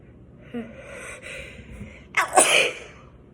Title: Non inappropriate sneezes lol